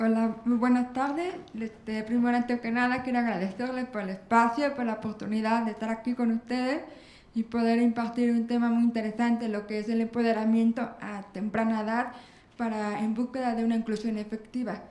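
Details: Speech of an adult woman with profound bilateral congenital hearing loss, who has had lifelong speech-language therapy and auditory rehabilitation.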